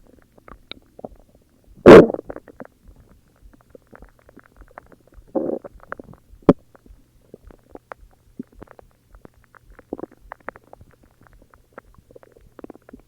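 Quiet gurgles and rumbles with one loud growl and a few shorter bursts: ordinary stomach growling from gas and fluid moving through the gut.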